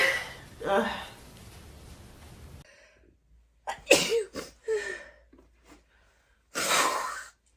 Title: Female Sneezes ans Nose blows